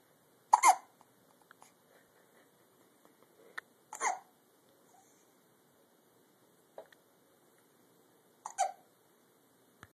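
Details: Three sharp, brief hiccups a few seconds apart in a quiet room; ordinary hiccups.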